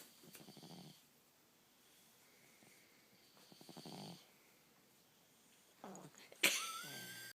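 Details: A cat lying peacefully under a pile of socks keeps snoring while asleep.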